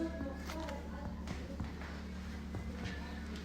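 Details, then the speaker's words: Normal resonant percussion note over healthy lung in a normal subject: right middle fingertip tapping the distal interphalangeal joint of the left middle finger gives several hollow, resonant notes. "Donc chez un sujet normal, on entend une sonorité. Donc euh comme vous entendez ici, donc une sonorité"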